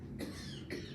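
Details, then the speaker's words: An ordinary adult cough, two short harsh bursts about half a second apart over low room hum, during a meeting discussion. "I'm sorry, I didn't hear that, I was coughing."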